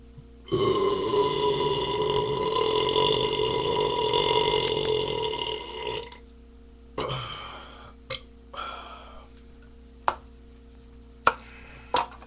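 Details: A long, loud, drawn-out belch of about five seconds, then several shorter burps and brief sharp sounds in a quiet room; from a recording of mostly burps and one fart; burping.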